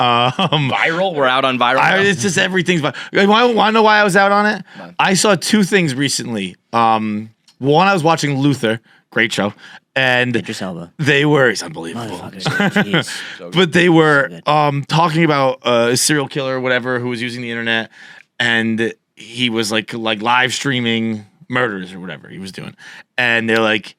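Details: Adult man speaking; conversational speech.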